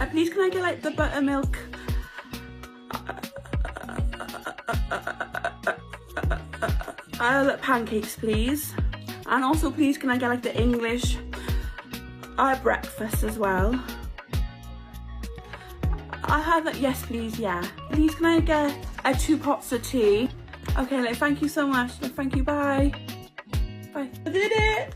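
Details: Stammer (stuttering) in a woman, a stammer campaigner, ordering breakfast.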